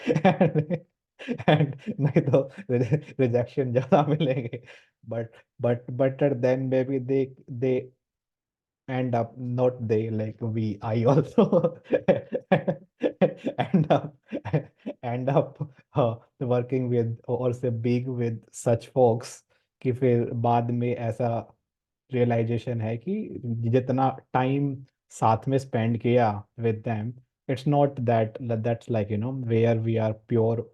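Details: Stuttering (stammering) in a male participant of a stammering support group course, with word and syllable repetitions.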